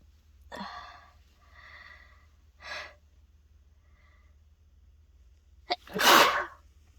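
Several sneezy bursts and breaths, ending in one loud explosive sneeze; repeated sneezing after a nasal irritant powder during a cold.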